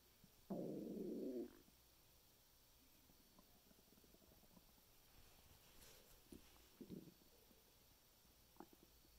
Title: my stomach making noises 9/9/2020